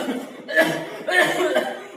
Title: Jenis - Jenis Batuk